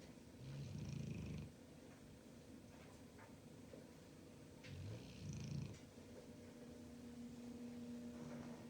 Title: Pitbull sound asleep SNORING!!/ Enjoying his early Christmas gift!